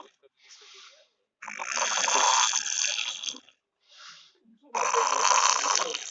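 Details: Sleeping boy snoring heavily: loud, harsh, rattling snores on each inward breath, with softer breaths between.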